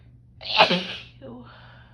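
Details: Female with cold sensitivity sneezing on a snow day in single-digit windchills: one forceful, explosive sneeze followed by a brief voiced breath; sneeze.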